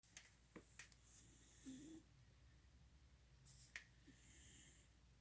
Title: My cat snoring